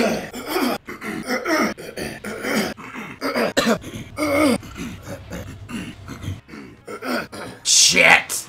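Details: Adult man in a small room with a rapid run of short, forceful throat clears and coughs, compiled for about 38 seconds; cough and throat clearing.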